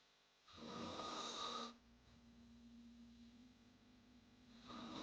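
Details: Snoring sound-effect recording: a harsh, rasping snore on the in-breath, then a quieter humming out-breath before the next; hard snoring.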